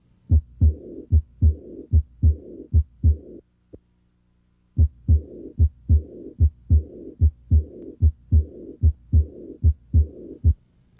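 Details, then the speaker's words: High-pitched diastolic murmur of aortic regurgitation, heard with the patient breathing out and holding the breath. Its longer duration sets it apart from heart sounds, and it usually indicates heart disease. "heart murmurs can be distinguished from heart sounds by their longer duration diastolic murmurs like this one usually indicate heart disease"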